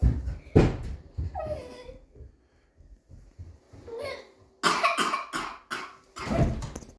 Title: 2025.01.08: coughing fit on first waking up